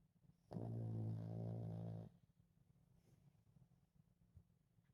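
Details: A small chihuahua napping after a busy day chasing squirrels and playing: a single low, buzzing snore lasting about a second and a half, then quiet room sound. Snoring in a sleeping dog.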